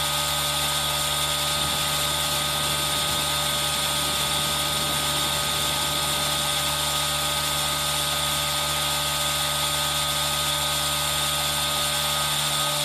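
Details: Steady hissing whir with a constant hum from an aerosol nebulizer running, over a rain background, in an ASMR recording made on a Zoom H1n.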